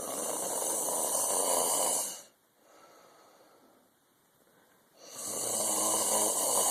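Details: Loud, rough snoring from a sleeping man on breathing in, separated by quiet pauses while breathing out.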